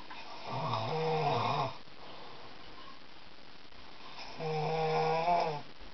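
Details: Man snoring in his sleep, though he thinks he doesn't snore: two long, loud, vibrating snores on breathing in, about one every four seconds.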